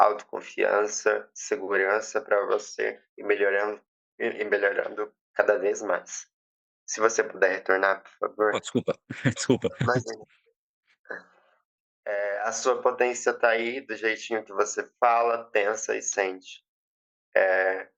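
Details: 20-year-old female psychology student, stuttering since age 7, several courses of speech therapy, stuttering reportedly worsened by emotion and nervousness, speaking at a public stuttering event; stuttering.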